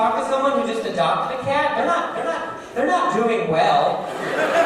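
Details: Male stand-up comedian with a stutter; stuttering during live crowd work.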